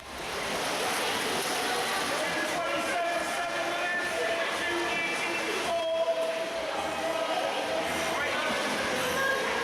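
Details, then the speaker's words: Athlete with exercise-induced laryngeal obstruction: high, whistling inspiratory stridor over loud steady background noise as the larynx closes on breathing in, limiting airflow and causing distress. "so you can hear the noise that the individual is making when they're breathing in that is their larynx closing in as they're breathing in so that wheeze that noise is only the loudness closing in"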